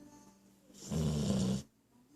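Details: Dog snoring while awake: one loud, low snorting snore; snoring.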